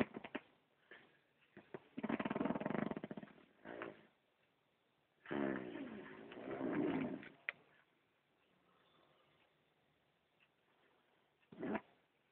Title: Friend Sounds like a Tractor Snoring